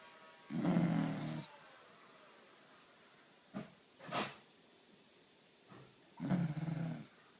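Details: Sleeping dog snoring: low, rumbling snores about every six seconds, with a couple of short soft snorts between them.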